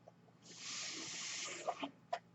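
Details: Speaker's own real mechanical ventilator during podcast recording: a steady breathy air hiss lasting about a second, followed by a few soft clicks of the air-delivery cycle; mechanical ventilator sound.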